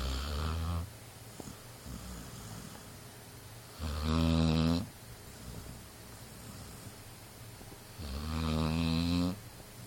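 Rhythmic rattling snores with a buzzing, tonal edge, roughly 14 a minute, separated by quiet breaths. A dog snoring.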